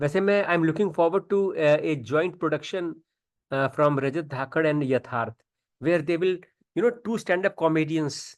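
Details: Adult man; normal speech.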